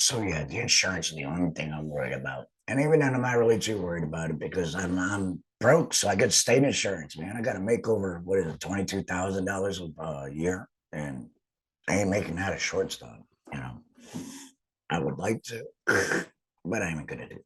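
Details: Adult man, a laryngectomee who has returned to work after total laryngectomy surgery, speaking with an alaryngeal voice; finding: alaryngeal speech after total laryngectomy.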